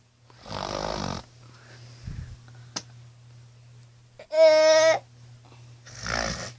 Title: My homie snores like a pig